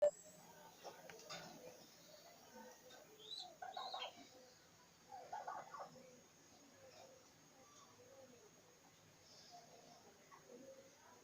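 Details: Pigeon with a cough problem, possibly a cold, gives two short, harsh cough-like bursts amid soft cooing.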